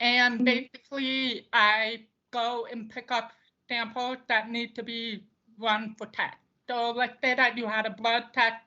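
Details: Deaf speech of an adult woman who uses a service dog; she attributes how her voice sounds to not hearing the way others do.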